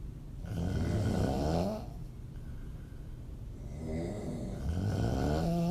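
Loud, rattling, low snores with open-mouth breathing, two snoring breaths heard with quieter breathing between; ordinary snoring.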